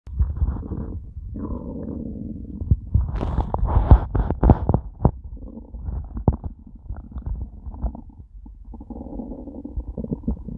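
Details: After eating nothing all day, stomach starting to hurt by the end; long, low gurgling and rumbling with irregular bubbling pops; loud hunger borborygmi (stomach growling).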